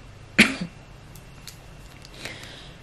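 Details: Productive cough from an adult man who has been coughing, feeling unwell and saw a doctor; the household has flu: a single sharp cough with a brief rattling tail, fitting a cough with phlegm.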